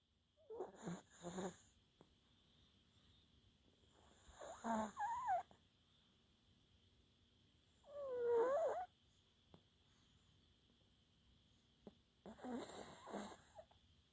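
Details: Maltese dog sleeping, with sleep apnea per the owner's label, snoring loudly in irregular bursts about 17 a minute, some with a whistling, squeaky tone.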